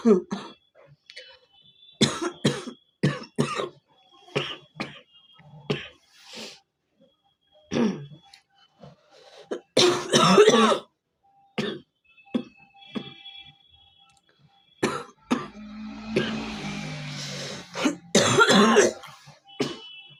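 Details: Repeated short, irregular coughs and throat clearing in a quiet room, from an adult with a cold and chest congestion, recorded for a cough challenge.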